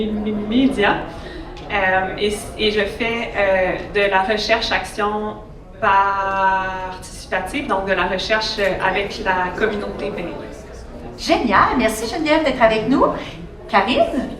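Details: Adult woman who stutters and had speech therapy from about age 7 to 16; stuttering.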